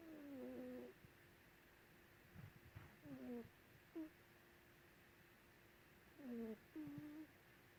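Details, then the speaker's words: Snoring from Lulu, a cat asleep under a white blanket: soft, faint snoring sounds with low room hum in the background; owner often hears her snore from another room. Ordinary cat snoring. "Does your sister snore loud? Is that why you come sleep up here with me?"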